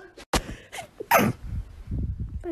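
A couple of sharp, explosive bursts, the loudest a sudden sneeze, in a small room.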